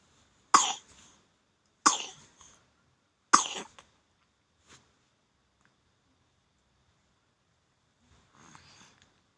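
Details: Three sharp single dry-sounding coughs about a second and a half apart, then a faint breath, from a child with a cold (cough and runny nose).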